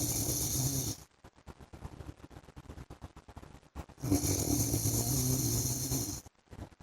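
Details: Two long, harsh snoring breaths separated by a quieter stretch of rapid snorting puffs from a husband asleep; heavy snoring.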